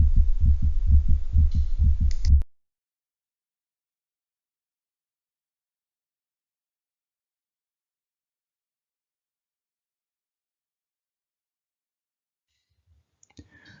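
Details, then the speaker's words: Cat with hypertrophic cardiomyopathy: rapid heartbeat with an intermittent S4 gallop that comes and goes, attributed to atrial kick into a stiff ventricle. "it's usually thought to be an s4 gallop happening as a result of the atrial kick into the stiff ventricle we'll listen here for the gallop which comes and goes on this recording"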